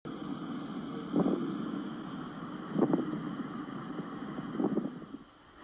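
Three harsh, creaking bursts about every two seconds, in time with breathing, over a steady background hum: a pleural friction rub.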